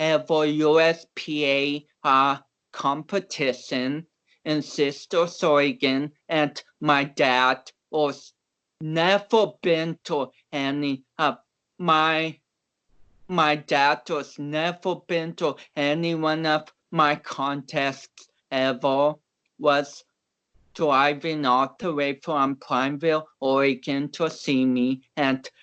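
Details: About 29-year-old male powerlifter with cerebral palsy whom doctors had not expected to walk or talk; real conversational speech showing dysarthria in cerebral palsy.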